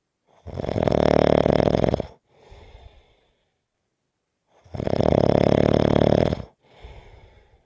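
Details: Heavy snoring in sleep: two loud, harsh, fluttering snores, each followed by a softer breath out and a silent pause.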